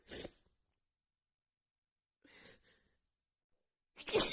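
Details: Woman with a bad, stuffy cold: two sharp, hissing sneezes separated by a quiet gap with a soft sniff.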